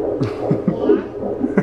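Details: Fetal heartbeat heard for the first time on Doppler at a prenatal doctor's appointment: rhythmic whooshing, galloping pulses over a steady hum.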